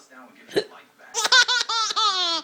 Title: Mommy's hiccups are funny!!!